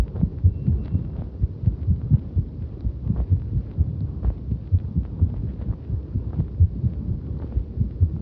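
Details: Heartbeat recorded while cycling, with many skipped beats felt along the way: rapid, somewhat irregular low thumping under steady rumbling noise; heart sounds during exercise.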